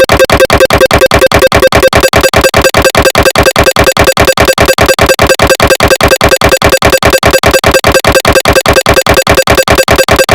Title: Ge 1.5t SIGNA victor MRI sound - DWI axial sequence (realistic )(recreation)